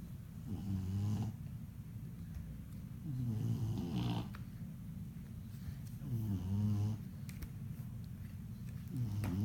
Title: Bogey snore